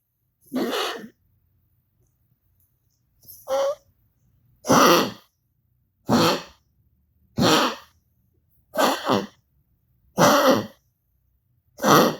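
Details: Dog coughing: about eight short, harsh, dry coughing bursts spaced one to two seconds apart.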